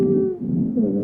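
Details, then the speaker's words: Simulated VR adult male asthma patient with shortness of breath, stethoscope over posterior lower lobes: sustained musical whistling inspiratory and expiratory wheezes, expiratory ones grunting; wheezes. "and what's really amazing about this is that this gentleman has inspiratory and expiratory wheezes but those expiratory wheezes are kind of grunting right like I can hear the alveolar sacs having a hard time pushing air out"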